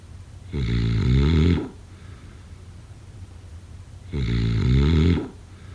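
Two loud, low, rattling snores on inhaling, about 3.6 seconds apart, with quiet breathing between: regular snoring during sleep.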